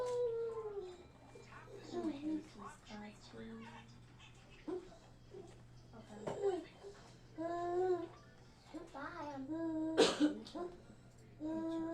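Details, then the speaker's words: Child lying in bed propped up on pillows, eyes open but staring off, not tracking or moving spontaneously: a high, harsh, musical upper-airway noise with each breath, inspiratory stridor of croup, easily confused with audible wheeze. "so this is why audible we and wheezing and Strider get overlapped a lot and this kid this is actually Strider um Strider is more is an upper Airway"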